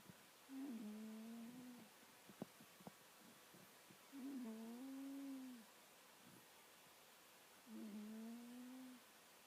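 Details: Sleeping cat snoring at night: three drawn-out, tonal purring snores about every three and a half seconds, each over a second long, with quiet breaths between.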